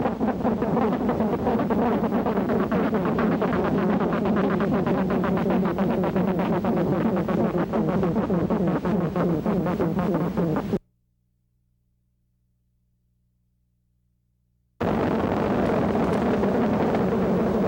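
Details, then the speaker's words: Continuous high-pitched buzzing like swarming bees from a needle EMG speaker: neuromyotonic discharges. These are also reported with spinal muscular atrophy, peripheral neuropathy and tetany. "Neuromiotonic potentials are also reported with spinal muscular atrophy, peripheral neuropathy and tetany. Watch and listen to neuromiotonic"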